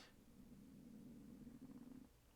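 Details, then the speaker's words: Adult man's stomach growling audibly during a live talk show: a low, steady, gurgling rumble lasting about two seconds that breaks into pulses near the end (borborygmi). "of you just hear that oh my god that was so loud my stomach was like I mean today"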